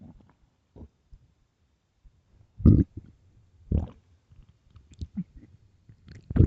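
Scattered gurgles and a few loud growls from an empty stomach in a quiet room; hunger-related bowel sounds, normal.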